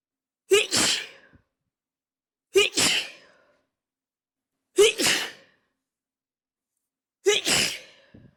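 Four separate sneezes about two seconds apart, each a sharp indrawn breath followed by an explosive burst of air; ordinary sneezing.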